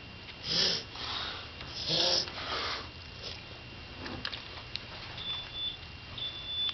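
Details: Cough.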